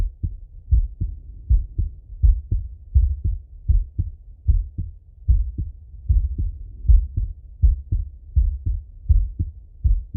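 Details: Full heart auscultation through a stethoscope on a male, recorded either sitting at a desk or lying in bed: steady low lub-dub beats at about 80 a minute with a regular rhythm, normal heart sounds.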